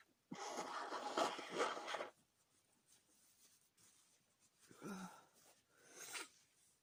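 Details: Long, forceful sneeze burst followed by softer sniffing and smaller sneeze-like blasts; repeated sneezing from nasal irritation.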